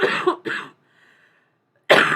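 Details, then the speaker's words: Adult dry cough: three loud, somewhat chesty-sounding cough bursts, nothing coughed up anymore. "please don't mind me it's just a cough there's nothing else going on I'm not even coughing anything up anymore"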